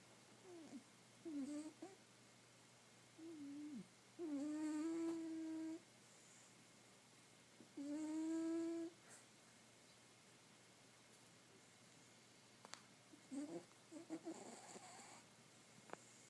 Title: Cat snoring